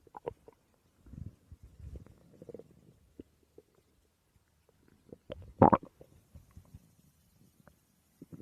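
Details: Woman's stomach growling (borborygmi) recorded while she slept: soft, irregular gurgles and low rumbling bursts with one louder squelching gurgle, separated by quiet pauses.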